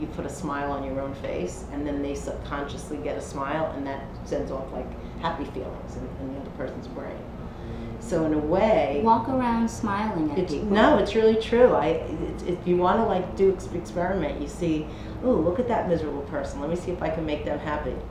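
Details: Adult woman; normal fluent speech.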